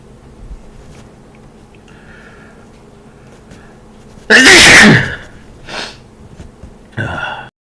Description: massive allergic hay fever sneezing attack. it nearly wiped me out.